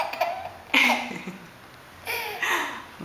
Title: Funny video baby boy is laughing at me sneezing